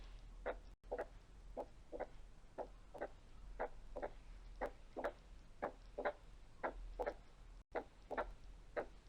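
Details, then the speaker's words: Cardiac auscultation teaching example of an opening snap: regular heart sounds near 60 a minute, with a crisp, high-pitched snap in diastole just after S2, heard at the apex; typical of mitral stenosis. "هنسمع كمان صوت السناب. السناب بيحصل امتى؟ ايوه في الدايستولي."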